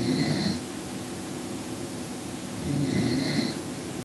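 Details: Loud, rasping snores about two and a half seconds apart over steady room hiss; heavy snoring during sleep.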